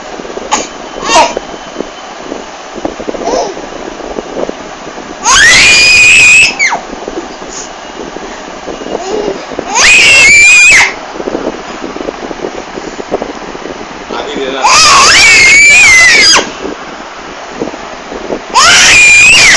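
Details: Grandmother's repeated sneezes, each followed by loud, high-pitched laughter and squealing from her baby granddaughter.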